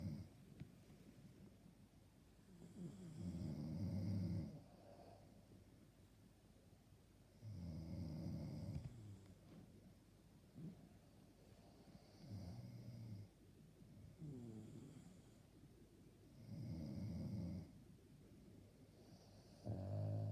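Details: Rhythmic low rattling snores, about 14 per minute, each lasting one to two seconds, with quiet breathing between, keeping the listener awake; snoring.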